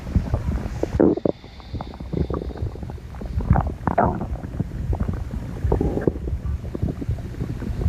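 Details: Stomach growling (bowel sounds): continuous low rumbling with bubbling gurgles over muffled handling noise.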